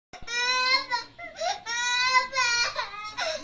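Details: A child cries with loud, sustained, tonal wailing in repeated bursts separated by brief breaths.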